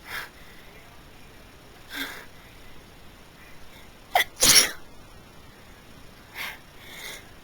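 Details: Person during a sneezing fit: a sharp breath in, then one forceful, explosive sneeze, with soft breathy sounds before and after; a single sneeze.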